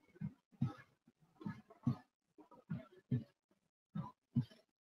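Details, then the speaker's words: Teaching audio of normal heart sounds, a regular lub-dub at about 75 beats a minute with the first sound louder than the second and no extra sounds: normal S1 and S2. "podemos ver que estos dos ruidos se pueden diferenciar en la existencia no los dos sí bueno es importante para poder familiarizarnos con estos sonidos"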